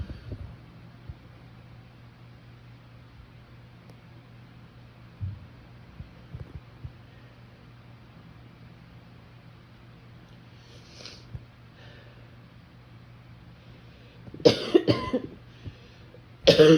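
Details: Adult female in bed during ragweed allergy season: steady low room hum, then two harsh, abrupt barking cough bursts near the end; phone lying in the covers.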